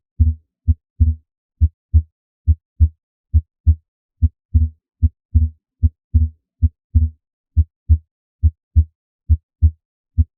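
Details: Transient (physiologic) split S2, a normal finding: regular low-pitched lub-dub heart sounds near 70 a minute, with the second sound splitting and the split exaggerated on inspiration.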